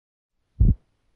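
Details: One short, low, slightly drawn-out heart sound thud demonstrating a split first heart sound (S1) at the tricuspid area, auscultated during a cardiac physical assessment.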